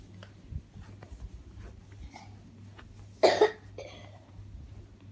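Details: One short, sharp cough from a young child in a quiet room with faint movement sounds; an adult links the cough to eating ice cream and cold drinks; cough.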